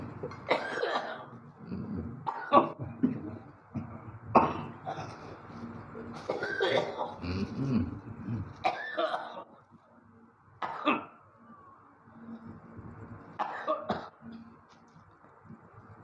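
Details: Repeated short coughs and throat clearing over a steady room hum and music, a persistent tickly cough, during spice smoke therapy for a thyroid condition and tickly cough.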